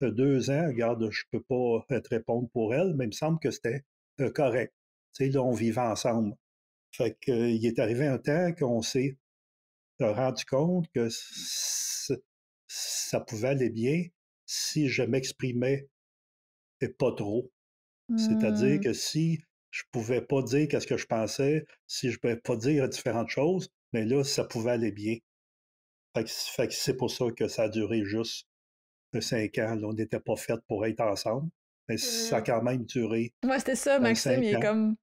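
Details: Stuttering in an adult man in his thirties, a French speaker, real speech.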